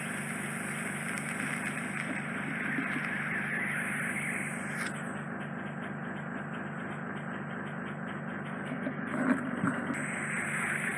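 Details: Endoscopic ear microsuction with a fine-end 18-gauge tip, removing residual impacted wax off a man's eardrum through a slightly narrow canal entrance; continuous rough whooshing suction with fluttering pulse and brief high hisses; symptoms relieved afterwards.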